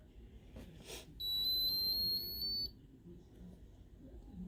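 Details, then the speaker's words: Kangaroo Joey feeding pump being switched on for a full-term infant's G-tube feeding: a single sustained high-pitched electronic tone about 1.5 seconds long, the power-on beep. "and then we're gonna go ahead and push the power button right here"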